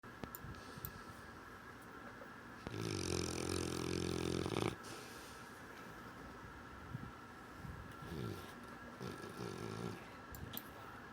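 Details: Dog sleeping on a couch, snoring and dreaming: one long rattling snore, then softer snuffling breaths and small whimpering sounds over a steady room hum.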